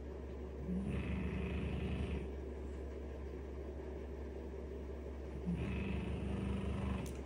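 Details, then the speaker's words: Snoring from a sleeping young pet: two loud, buzzing, rattly snores about five seconds apart over steady fan noise. "wow he's really loud I have a fan on too but you can probably hear him"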